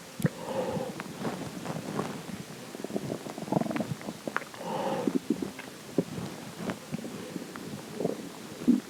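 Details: Irregular gurgling, bubbling and squeaky rumbles come and go over several seconds against a quiet background; more ordinary stomach growling (borborygmi).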